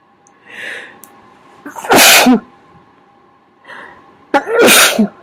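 Two sneezes, each with a quick inward breath and then an explosive, muffled burst, consistent with covered sneezes.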